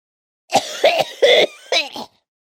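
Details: Sound-effect recording of an adult man coughing: about four short, dry, harsh cough bursts in quick succession, a dry cough.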